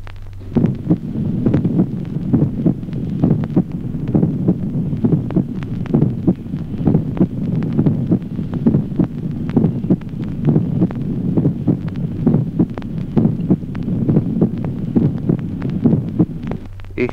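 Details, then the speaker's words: Teaching recording, wide split first heart sound: regular heart sounds near 67 per minute, with the first sound clearly doubled into two separate components. "ejemplo sexto duplicación del primer ruido cardíaco división manifiesta del primer ruido"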